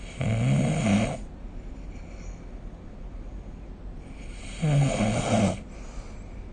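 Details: Snoring during sleep, recorded with the SnoreLab snore-recording app.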